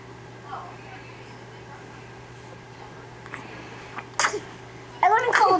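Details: A baby, who still wears a hospital number bracelet, yawning and sneezing: quiet room, then two short sharp ordinary sneezes near the end.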